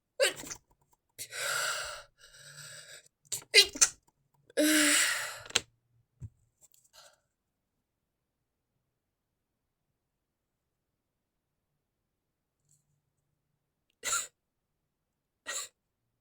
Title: inducing stifled sneezes went wrong :_)